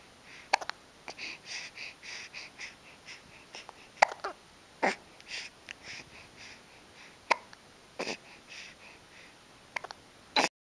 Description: My son was staring at me while he had the hiccups... I thought it was cute.